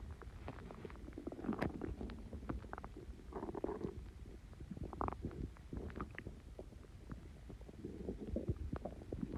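Continuous gurgling, bubbling and rumbling from the belly; ordinary stomach growling from gas and fluid moving through the gut.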